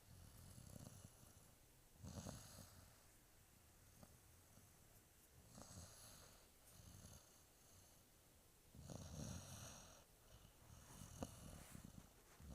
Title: 4.5 month old snoring english mastiff puppy